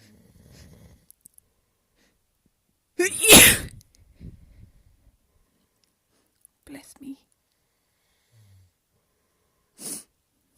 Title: A Strong induced Sneeze.